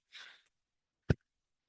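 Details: The speaker's own mechanical ventilator in a quiet room: a soft hiss of airflow, then a single low thud after a pause, one breathing cycle.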